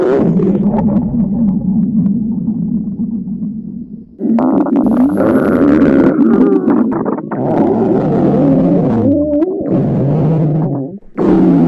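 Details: Hunger stomach growling (borborygmi) from girls reading in a library on an empty stomach, microphone near the abdomen: long, loud, low gurgling rumbles with shifting pitch.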